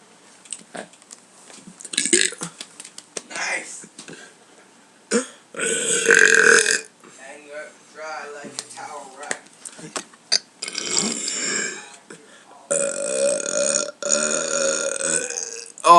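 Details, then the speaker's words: Man burping on purpose for a burp video after eating beans: several loud, drawn-out belches with short pauses and a few vocal sounds between them; repeated burping. "some of us still in my tummy that's awkward air that was gross kind of actually"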